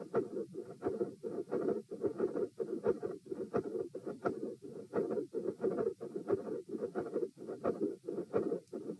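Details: Heart auscultation at position P during a stress test (rates 72-90-102-114-90 bpm while lying, sitting, standing, bobbing, standing, lying). A heartbeat near 88 per minute, with a continuous rumbling machinery murmur and sharp high clicks.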